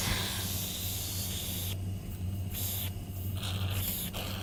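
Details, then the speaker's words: Steady suction hiss with brief pauses as a suction catheter is rinsed through saline after tracheostomy suctioning, no second pass needed; nursing school demonstration. "it's trach so I know that I would not need to go for a second pass now I can rinse this"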